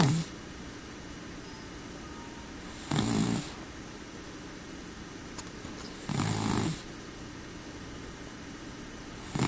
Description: More of my cat snoring.